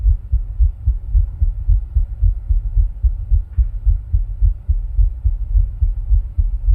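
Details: Own heart sounds recorded while rebreathing into a plastic bag, recorded with ECG.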